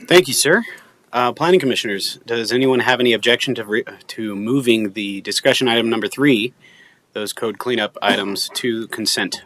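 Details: Adult male speaker; Normal speech.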